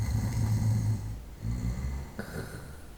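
Low, rumbling breath noises with a brief pause, fitting night-time snoring; only about one and a half cycles heard.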